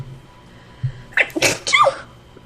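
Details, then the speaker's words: Quick gasping intake followed by a loud, explosive double-burst sneeze, called loud and an "anime sneeze" afterward; sneeze. "that was loud. Sorry about that. That was a fucking anime sneeze."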